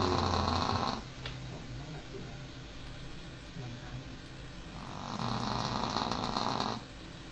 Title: Cute dog snoring 狗狗打呼噜